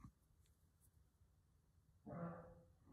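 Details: After a quiet stretch, a sick pet dog gives one short, harsh, slightly honking cough in a small room: dog cough.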